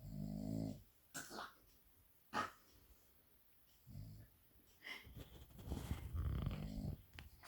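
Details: Small dog in sweet sleep snoring: low rumbling snorts in short bursts with quiet gaps, plus a few snuffling breaths; a voice tries to wake it without success. Ordinary sleep snoring.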